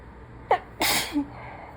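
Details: Person who is sick sneezing messily: a quick in-breath then one forceful wet sneeze with a short voiced tail; a single sneeze.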